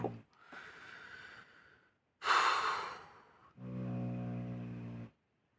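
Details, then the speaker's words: Dog sleeping nearby snoring: a noisy breath, a snorting puff, then a low, buzzing, vibrating snore; ordinary snoring. "Je sais pas si vous entendez ronfler là."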